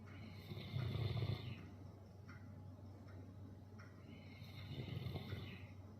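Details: Dog sleeping after a long hike in the mountains: two long, rumbling snores a few seconds apart with quiet breathing between; snoring.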